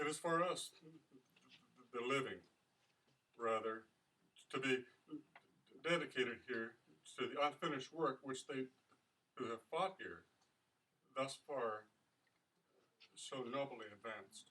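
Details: Stuttering in an English-speaking member of a stuttering association reading the Gettysburg Address aloud.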